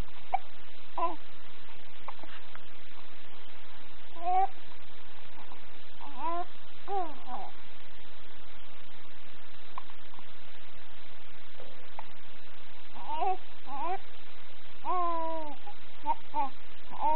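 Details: Four-week-old baby girl just after a feed: soft cooing and babbling broken by short, sudden hiccups; ordinary infant hiccups.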